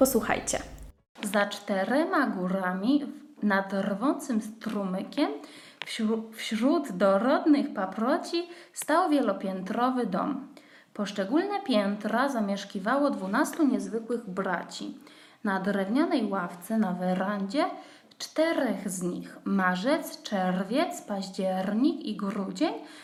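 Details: Adult woman about two weeks into rhotacism therapy, with newly acquired /r/ now in all contexts, still prolonged and hyper-correct with a strong trill; rhotacism in therapy, newly acquired exaggerated /r/.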